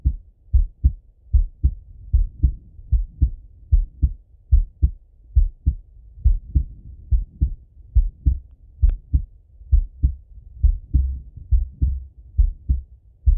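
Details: Male heart auscultated with a stethoscope, recorded either sitting at a desk or lying in bed: steady paired lub-dub beats at about 68 a minute, regular rhythm, no added sounds; normal heart sounds.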